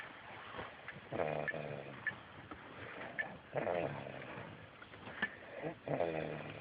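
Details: Snoring during sleep: rough, rattling snores on the in-breath about every two to three seconds, with soft breathing between them; ordinary snoring.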